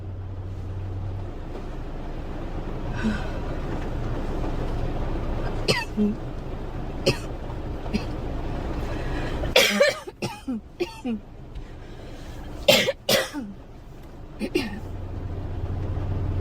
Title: Girl coughing 208